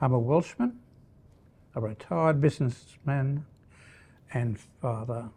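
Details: Primary progressive aphasia (language-based dementia) in a retired Welsh man diagnosed under age 65, who uses pictures and words to help him communicate.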